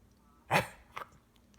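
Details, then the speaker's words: A dog gives one sharp, harsh cough burst followed by a smaller second hack in a quiet room; owner says it is not vomiting or dry heaving, recorded to show the vet. Hacking cough. "Duncan never throws up. He just like but it's not even. It's more like a cough, like a hacking."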